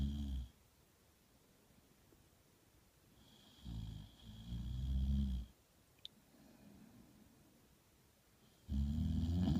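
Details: Sleeping dog snoring: slow, deep, rumbling snores with long quiet gaps between them, about 14 a minute.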